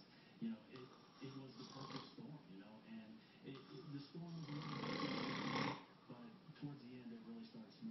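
Rough, rattling snoring sounds, partly mixed with background talk or music in the room; snoring.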